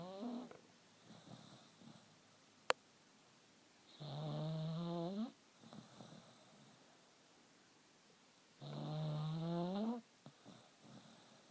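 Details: Sleeping dachshund snoring: two long, rumbling snores with rising tone and quiet breathing between them; ordinary snoring in sleep.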